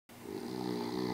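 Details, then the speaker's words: Brief, loud, buzzing snore with a steady rattling tone growing stronger, linked to obstructive sleep apnea, where throat muscles collapse during sleep blocking breathing: snoring. "sleep apnea impacts almost a billion people worldwide when their throat muscles collapse during sleep blocking their breathing"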